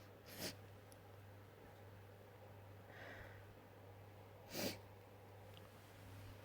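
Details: Wet sneezes: two soft, moist sneezes several seconds apart over a steady low hum.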